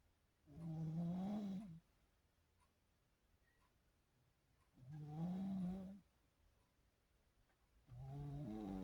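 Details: Low, groaning snores with a rising pitch, each about one second long, recurring every three to four seconds in a quiet room.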